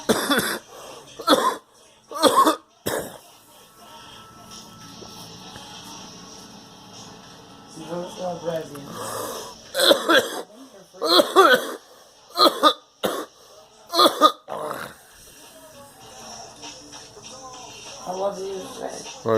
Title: Coughing